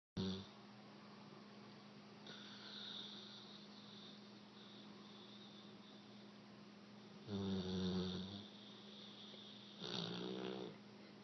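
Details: Three-year-old American Bulldog snoring while asleep: two long, low rumbling snores over steady room hum.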